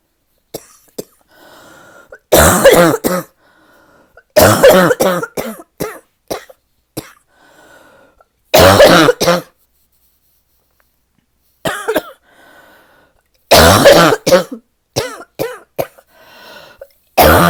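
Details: Repeated bouts of deep, harsh, barking coughs from an adult, several coughs per bout with quiet gaps; described as the person's deepest barking cough yet.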